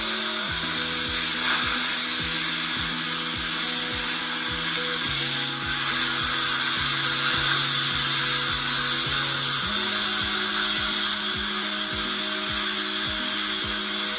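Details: Dental handpiece smoothing a filling on a 7-year-old boy's tooth cavity: high-pitched whine shifting in pitch, with room noise behind.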